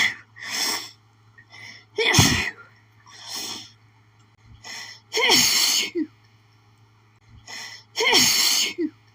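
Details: Rapid fit of harsh sneezes with hitching breaths between them, after planting a flower garden; sneezing attack with a sore nose, possibly from allergies.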